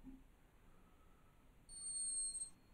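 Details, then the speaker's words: A hummingbird snoring while in torpor, a sleep-like rest state: after quiet room hiss, a single high, thin, whistling squeal lasting under a second. "I thought you were going to be really excited by the snoring hummingbird that's what it sounds like right"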